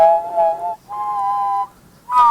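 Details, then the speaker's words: Recreation of diplacusis in the left ear: whistled notes each doubled by a floating ghost tone at a slightly different pitch, possibly from flying. "so I heard this ghost note there mhm and that's what I'm hearing in my so it's kind of like a floating additional yeah that's what I'm hearing in my left ear"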